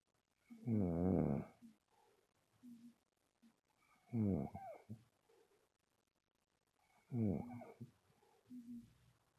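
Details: Three loud, rattling, buzzing inhalations with softer exhalations between, about 20 breaths a minute; snoring during sleep.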